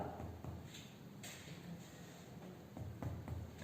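Soft, low hollow taps from finger percussion over the side of the chest, giving a resonant note.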